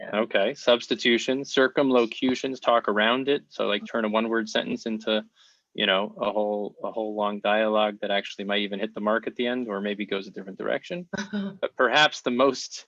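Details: Adult male speaker; normal adult speech.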